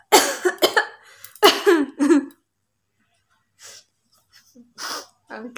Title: Most request #coughing challenge video#part-(1 )